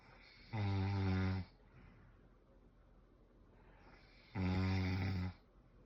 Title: VOLUME UP!! Whew Chy!! 😌 #snoring #husbandandwifecomedy #fyp #funnyvideo